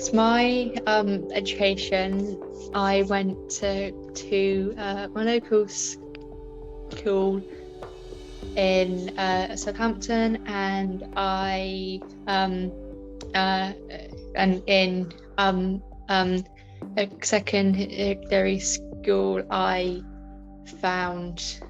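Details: Woman with a stammer since about age five, with filled pauses and repetitions; stammering.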